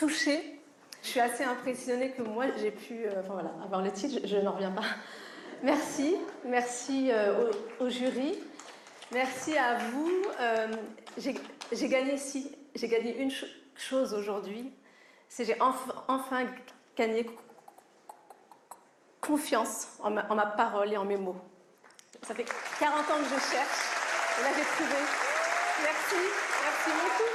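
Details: Adult French woman, a triathlete, stuttering since early childhood, with particular difficulty on the letter R, certain numbers, syllables and consonants; real, not acted; stuttering.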